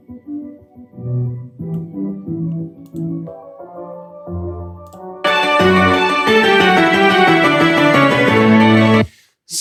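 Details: Simulated bilateral moderate to profound, mid-to-high frequency sensorineural hearing loss, toggling between right and left ears during music where several instruments are playing.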